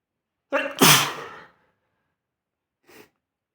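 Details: One sharp, forceful sneeze after a quick in-breath, followed by a faint sniff, while in bed; sneeze.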